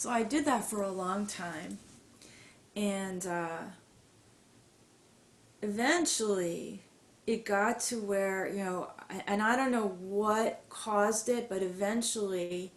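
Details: Adult woman with mild to moderate stuttering, long hidden (covert stuttering) with silent blocks, who has had speech therapy; stuttering.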